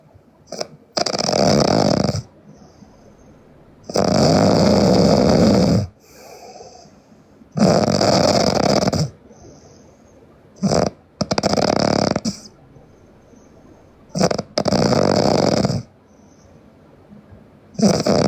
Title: Sleeping Japanese Girl Loud Snoring